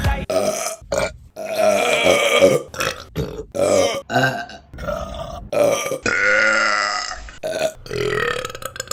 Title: Burping Compilation February 2023 #2 | RBC